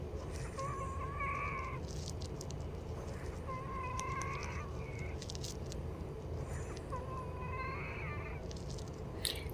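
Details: Wheezing in a female patient on nebulized treatment (Arformoterol, Pulmicort, DuoNeb) around 1 AM: three high, musical squeaky tones recurring about every three seconds over low room noise.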